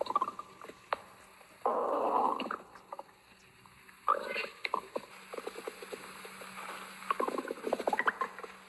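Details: Gurgling, bubbling rumbles and soft squelches from an adult's bloated stomach after eating sausage, while relaxing; active bowel sounds, stomach rumbling.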